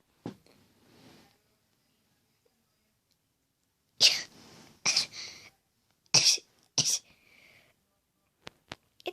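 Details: Several sharp, hissing, sudden bursts in a quiet room: deliberately induced sneezes after putting a Vaseline-coated Q-tip in the nose, recorded while wearing a Halloween costume.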